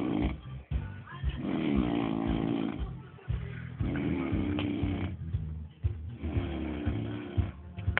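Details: Person asleep snoring: loud, rough, rattling snores repeat throughout, with music playing in the background; snoring.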